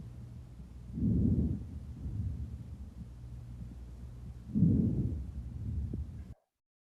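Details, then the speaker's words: Normal vesicular breath sounds from expanding healthy lung tissue: soft, low rustling breaths at about 18 a minute. "entonces este es un ruido vehicular"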